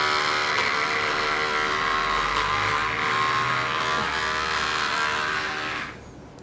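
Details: Steady buzzing electric clipper trimming hair around a guinea pig's ear canals under gas anaesthesia, before irrigation of very dirty, wax-plugged ears; then the motor winds down.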